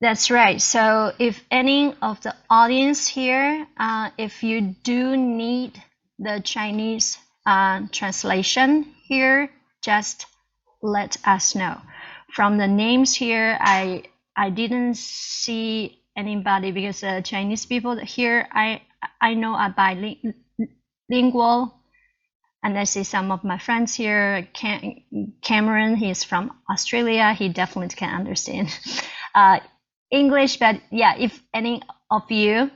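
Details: Adult Chinese woman who stutters, a self-help group co-founder and PhD student in communicative sciences, speaking English at a stuttering conference presentation; repetitions heard; stuttering.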